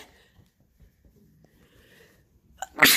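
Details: Quiet breathing, then a sharp inhaled catch and one loud explosive sneeze, on day 2 of a bad cold that has gotten much worse; sneeze.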